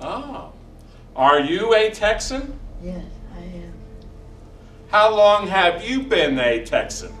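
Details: Adult speaker; Normal speech.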